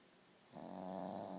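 A single low, buzzing, rattly breath sound rising after a quiet start, typical of a snore.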